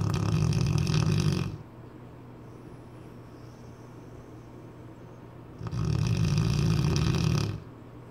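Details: A Cane Corso dog: two loud, deep, rattling snores separated by a quiet pause; heavy snoring with a coarse, fluttering quality.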